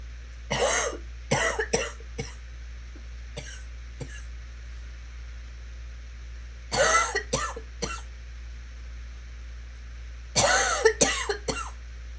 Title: Coughing continues